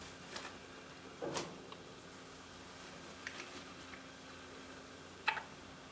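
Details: A newborn on her first day home, in her crib, makes a few brief, soft catching sounds, about four in six seconds: hiccups.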